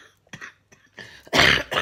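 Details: An adult woman awake at 1 a.m. with insomnia, kept up by a persistent cough, gives a short run of dry, harsh coughs and throat-clearing: a hacking cough.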